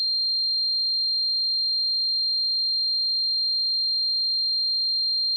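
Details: Simulated tinnitus sound effect: a steady, high-pitched pure tone ringing unchanged throughout, imitating constant ringing; tinnitus simulation.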